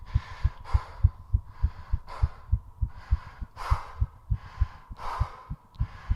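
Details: Tachycardia during recovery after a 3.5-minute squat challenge, with two short breath-holds in recovery: very fast, regular heart thumps under loud, quick, heavy breaths.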